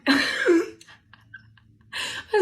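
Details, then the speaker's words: A girl gives a single loud, explosive voiced sneeze likened to an elephant, followed by a pause and another noisy burst; a listener doubts it is real and calls her dramatic. "That sounded like an elephant."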